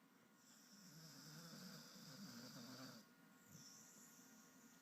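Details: Sleeper snoring and twitching: soft, drawn-out rumbling snore with a hissing edge, fading and returning once.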